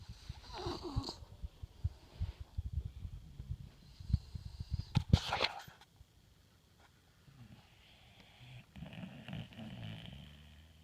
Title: Bully Snores!